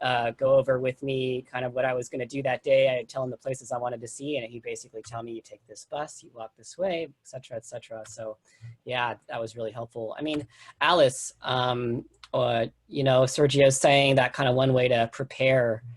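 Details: Adult male speaker; normal speech.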